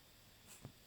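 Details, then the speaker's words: Small dog on a couch at night: one soft, quick dog sneeze, a brief airy puff followed by a short nasal snort. "that they get covered in hair and dog snots, because as you can hear, he's having a little dog sneeze."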